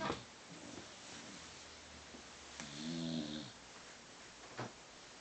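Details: Male beagle asleep in a quiet room: one soft, whistling nasal snore amid faint breathing; dog snoring.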